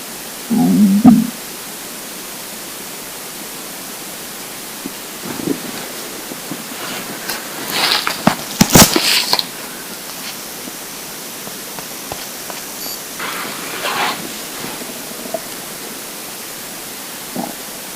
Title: Hungry Empty Stomach Rumbling Part 7 (22/10/2015)